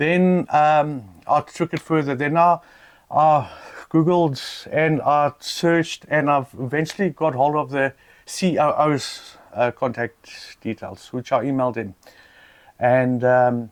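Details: South African adult man with lifelong stuttering, reportedly worse since being laughed at in public; stuttering.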